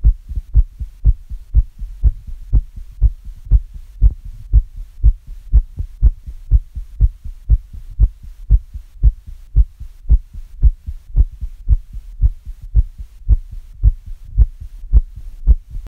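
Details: Recorder's own heartbeat, pounding after listening to very fast heart sounds: quick, even, deep thumps over a low steady hum, a mildly fast heart rate (tachycardia).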